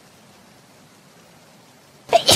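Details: Mococo sneezing during a stream: quiet room, then a single sharp, explosive sneeze burst at the very end.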